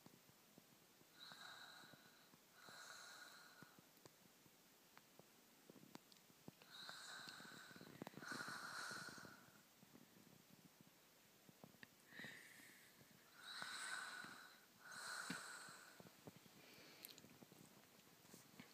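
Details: Woman snoring in sleep: slow, irregular noisy breaths with a rough, snorting quality, about nine a minute, in a quiet room.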